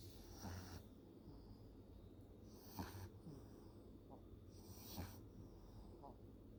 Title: Lucky and Trixie sleeping, Trixie snoring!